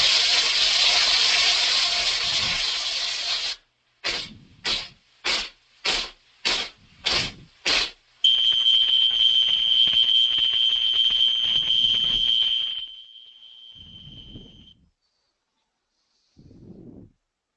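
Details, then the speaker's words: Simulated tinnitus as heard by patients: steady hiss, then rhythmic hissing pulses, then a sustained high-pitched ringing tone; loudness varies between people; tinnitus simulation. "yes that's what people are hearing the volume of tinnitus varies quite a bit from person to person it's very difficult to get an objective measurement"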